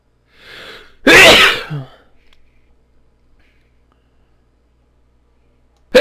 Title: Induced Sneezes